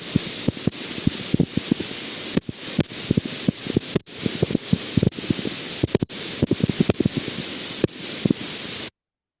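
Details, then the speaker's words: Needle EMG recorded in multiple muscles of a young healthy man with diffuse twitching and cramps: steady hiss broken by sharp pops and thumps firing irregularly, fasciculation potentials, benign, with no fibrillations and normal motor units. "so if you if you think about the pattern of firing here this is an irregular firing a pattern and this is characteristic of culations"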